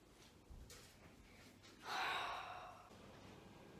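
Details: Adult woman (mum) snoring while asleep at home: a single loud, rough snorting snore on an in-breath, with quieter breathing before and after; snoring.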